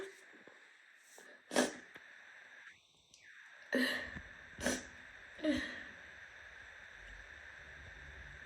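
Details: Several sharp, explosive sneezes with quieter sniffling between them over steady room hiss, from an adult in a sneezing fit that left their shirt and hands soaked.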